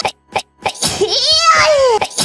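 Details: A VTuber's sneeze during a stream: a quick intake of breath, then a sharp, high, squealing sneeze that trails off, with soft music and talk, followed by "bless you."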